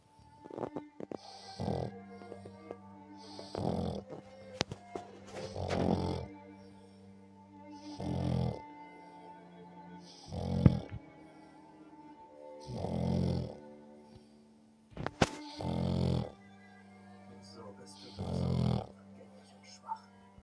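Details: Regular soft, rattling snores about 25 times a minute, with quiet music in the background; snoring from a little snorer.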